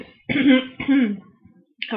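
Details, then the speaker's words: An adult woman, voice hoarse from fan and air conditioning, clears her throat in two short voiced rasping bursts before speaking. "je m'excuse, j'ai la voix un petit peu enrouée avec le ventilateur et puis la climatisation là en ce moment."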